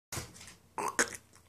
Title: Dog burping compilation. A westie burping